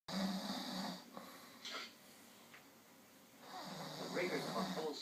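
Rough, low, fluttering inhaled sounds in two bursts separated by a quiet pause; snoring.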